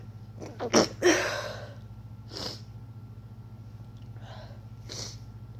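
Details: Person coming down with a cold, deliberately inducing sneezes and trying to stifle them: one full sneeze with a sharp burst of air, then two softer, muffled held-back sneezes.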